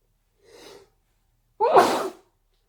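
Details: One loud, explosive sneeze after a short, sharp intake of breath, part of an induced sneezing fit.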